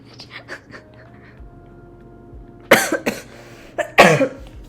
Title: Coughing, Sick, and Dying 10 min Drawing Challenge